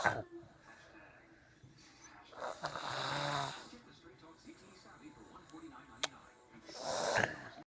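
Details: Snoring during sleep, recorded March 2014: two noisy, rattling breaths, with one long inward snore in the middle and another at the end, in a quiet room.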